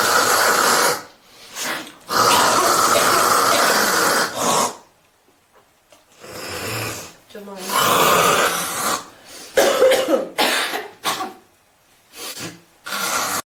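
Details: Girls coughing, hocking and spitting into a cup, possibly related to smoking: repeated harsh coughs and forceful throat-clearing hawks, with pauses between bursts.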